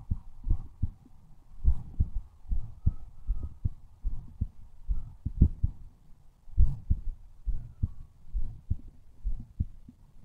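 Regular low thumps of a heartbeat, paired beats at roughly 70 a minute, with faint hum in the background.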